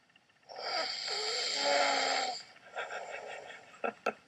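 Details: An adult man, a husband, snoring in his sleep with toothpaste at the corner of his mouth: one long, loud, vibrating snore on the in-breath, then a softer breath out and a couple of short snorts.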